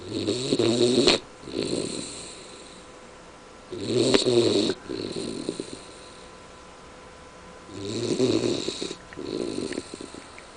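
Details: Steady snoring during sleep: three regular cycles, each a rough fluttering in-breath then a softer out-breath, about 17 breaths a minute.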